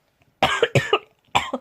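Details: Three harsh, hoarse coughs in quick succession from a vlogger who says they have been very ill for several days and still are; coughing.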